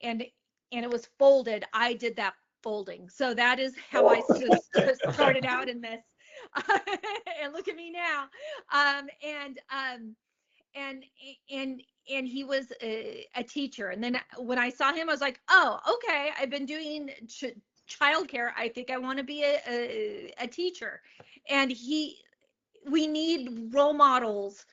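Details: Adult woman, a comedian, who began stuttering at age eight, speaking in an interview; stuttering.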